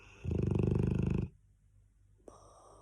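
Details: Loud, rattling snore on a single breath, then quiet, from a sleeping Cane Corso dog; snoring.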